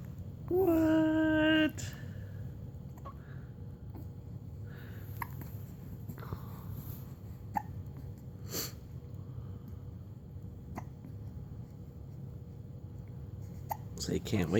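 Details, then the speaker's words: Baby boy with hiccups while playing in a toy car: a brief high-pitched squeal, then a few short, sharp hiccup clicks several seconds apart in a quiet room; ordinary hiccups. "you got your hiccups you got your hiccups in your workout okay"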